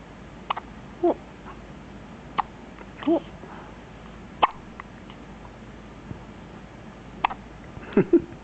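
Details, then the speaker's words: A 1-day-old newborn girl hiccuping, with soft, brief, repeated hiccup sounds against a quiet background hiss; she is said not to have eaten enough. Hiccups. "Oh, you ate too much. She didn't eat enough. But she's hiccuping a lot."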